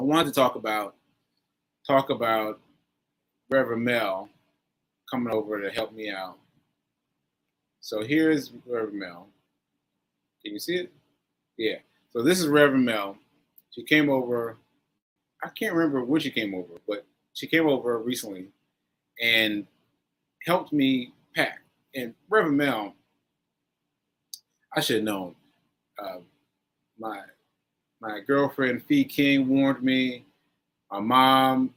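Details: Adult man with aphasia after a stroke on 7/14/22, recorded 7/4/23 while still recovering and saying he sometimes needs extra help; aphasia.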